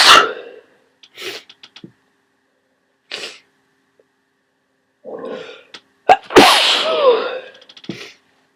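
Several forceful sneezes with sharp inhalations between them, the last a loud explosive burst; sneezing with a cold.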